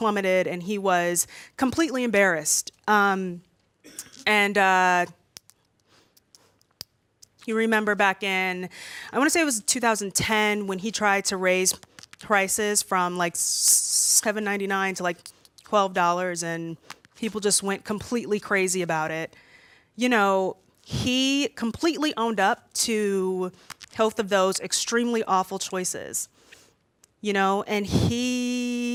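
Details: Stuttering in a woman who says she stutters a lot more when nervous in front of a room full of people.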